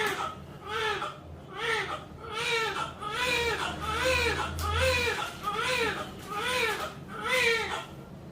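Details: Newborn crying just after a normal birth at 9:45: repeated rhythmic wailing cries, about one per second; vigorous healthy crying.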